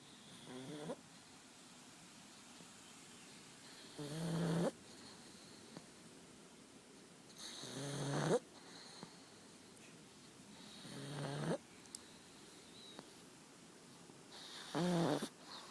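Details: Slow rumbling snores from a sleeping female, one on each breath at about 16 a minute, with quiet pauses between; steady snoring during sleep.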